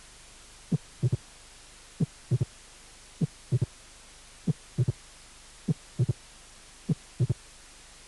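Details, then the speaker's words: Late mitral opening snap from a cardiac auscultation teaching course, occurring 0.10 seconds after the second heart sound. "y castillo de apertura mitral tardío a 10 centésimas de segundo del segundo ruido"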